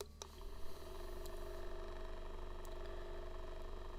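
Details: Steady, quiet, low motor hum with faint rapid pulsing from an AchedAway percussion massager running at level 1, its lowest speed, about 1500 strokes a minute.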